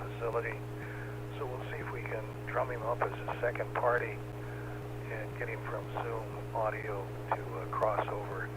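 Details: Adult man speaking over a radio link; Normal speech.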